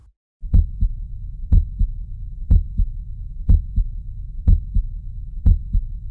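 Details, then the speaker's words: Normal heart sounds on auscultation: regular lub-dub at about 60 beats a minute, with a normal first and second heart sound (S1, S2). "this s1 and s2 can be heard during auscultation of the heart sounds as a lob dub sound so let's have a listen to that now"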